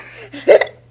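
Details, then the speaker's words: 3.5-year-old boy named with persistent hiccups, struggling to talk and breathe, gurgly-sounding: a single sudden, sharp voiced gulp cutting off abruptly over faint room hum; hiccup. "How come it sounds like you're gurgling? You're having a hard time talking and breathing. What is it? I still have hiccups."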